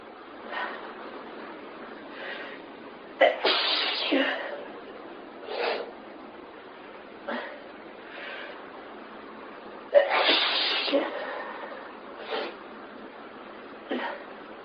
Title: Mega Sneeze Fit